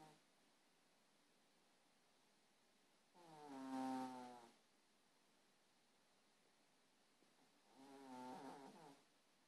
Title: 2.0 the snoring cat